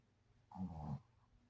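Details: Shih Tzu dog snoring like a human while asleep, loud enough to wake the owner; a single low, rattling snore in a quiet room.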